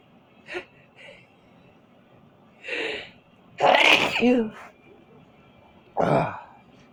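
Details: A run of repeated sharp sneezes, separate bursts of air through the nose and mouth, from a person who says they feel itchy and is also coughing.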